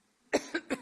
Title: Coughing Fit